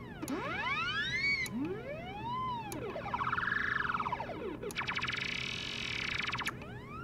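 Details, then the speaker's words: Neoprobe gamma detection probe system: electronic sweeping, rising and falling tones and warbles as each of its sound options is changed by toggling with the target count button. "you can change each one of those sounds by toggling through the options using the target account button"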